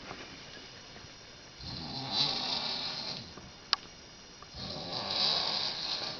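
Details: Woman in her 50s asleep at night, recorded 2006: two long, hissing, rasping breaths with a quiet pause between, in a small room; loud snoring.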